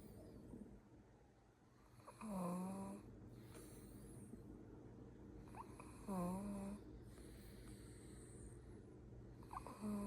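Regular rattling snores with a slight whistle, about 15 breaths a minute; ordinary snoring.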